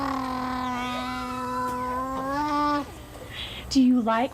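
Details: Jabbering and cooing from an infant just over one year old with Werdnig-Hoffmann disease (described as muscular dystrophy) and likely oral floppiness. He is ventilator-dependent with a tracheostomy and has a Passy-Muir speaking valve in line after a couple of weeks' practice; quiet without it.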